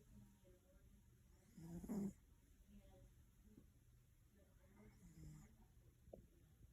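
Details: Snoring from a sleeping cat: two soft, low, rasping snores a few seconds apart over a quiet background.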